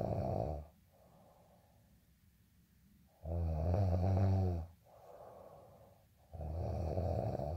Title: day in life snoring asmr sound 221